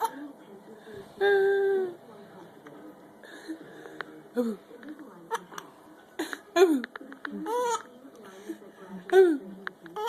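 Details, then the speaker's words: Baby boy with hiccups while laughing: squeals and giggles broken by short, sudden catches of breath. "you got the heup mama I got the hiccups I got the hiin UPS"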